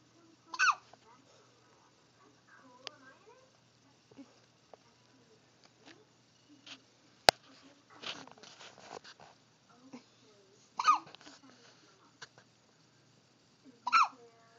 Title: The CUTEST baby hiccups!